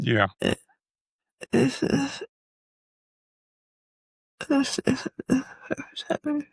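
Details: Man with multiple system atrophy, parkinsonian type (MSA-P), who reports his speech has more of a stutter and tremor, more noticeable after the first two minutes; dysarthria with dysfluency.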